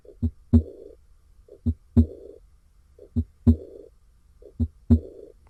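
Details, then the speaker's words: Aortic regurgitation: a slow lub-dub with a high-pitched, blowing early diastolic decrescendo murmur starting after S2 and fading toward S1, with silence during systole. "all right so as you can hear you hear the s2 dub then you hear the onset of the high pitched blowing murmur and it gets softer over time until we get back to the s1 love"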